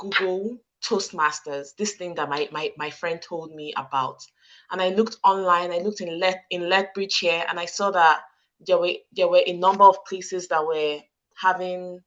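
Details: Stuttering in an adult woman, present since childhood, with audible word repetitions; she struggles to get some words out and sometimes squeezes her hands to get them out.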